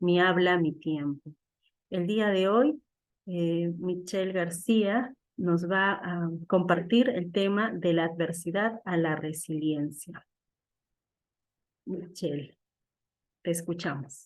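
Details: Adult woman speaking Spanish; fluent speech.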